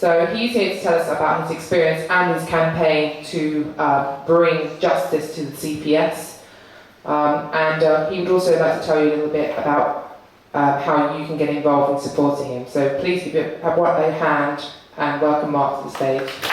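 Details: Adult speaker; normal voice.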